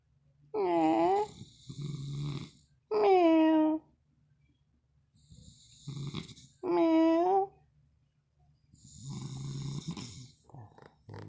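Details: A man wearing a mask snores heavily while a friend plans to scare him: loud, drawn-out whistling, whiny snores alternate with rougher snorting breaths, about 16 a minute; heavy snoring.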